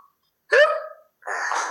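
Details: One abrupt voiced hiccup with a sudden catch of breath, then a breathy exhale, from a child character with hiccups in an acted comedy skit; simulated.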